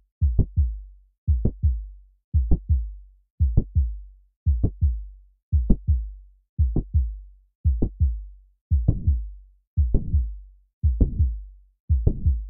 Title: Mitral Valve Prolapse - sound & animation | Heart sound ♥️| Heart video 3D